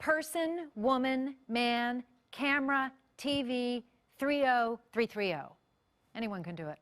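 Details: Adult woman speaking; normal speech.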